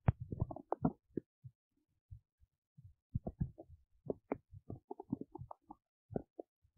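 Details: An adult belly while digesting oats makes irregular gurgles, pops and low rumbles, which are normal bowel sounds (borborygmi) of digestion.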